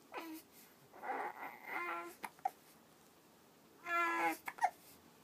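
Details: 1-month-old infant who hiccups after drinking milk gives brief, soft whimpering cries with short catches between them; quiet infant cry.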